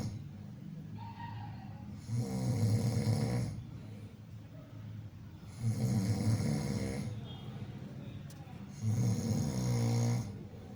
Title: #Funnysound | Snoring | குறட்டை ஒலி